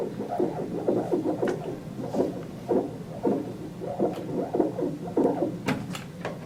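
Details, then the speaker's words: Philips Avalon fetal monitor ultrasound transducer with gel on the abdomen, fetal heart rate channel; rapid rhythmic whooshing pulses, to be verified as fetal not maternal rate: fetal heart sounds on Doppler. "now locate the fetal heart rate sound verification of the fetal heart rate is important you will need to verify that you have the fetal heart rate and not the maternal heart rate"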